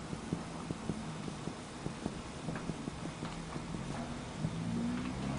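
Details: Finger percussion over the chest by medical students marking relative and absolute cardiac dullness borders, upper border from first intercostal space near left sternal line; rapid soft dull tapping thuds. Chest percussion.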